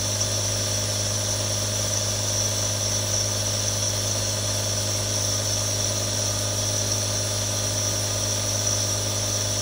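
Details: Real nebulizer sound: steady mechanical hum with low buzz and hissing airflow, continuous compressor sound.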